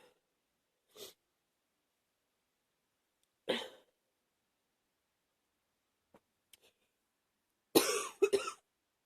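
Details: Person with a cold who is sniffling a lot gives a few short, soft coughs and sniffs in a quiet room, ending in a louder double cough; coughing.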